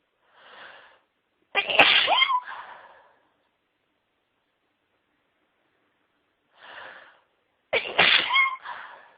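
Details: Woman in a sneezing fit: two high-pitched sneezes, each with a short breathy intake before a sharp burst.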